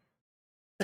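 Two short, sharp cough bursts in quick succession from an infant, fitting the staccato cough pattern.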